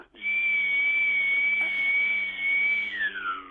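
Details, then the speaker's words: Person vocally imitating a dentist's drill: a steady high-pitched whine that drops in pitch as it winds down. "but this is the sound of the dentist drill and we'll have the the dentist sucker as well open wide"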